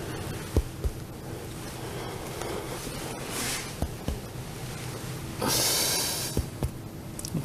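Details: Respiratory assessment practice: paired soft finger taps on the chest, some fuller and some flatter, with clothing rustle; chest percussion comparing resonant and dull notes matching underlying organs.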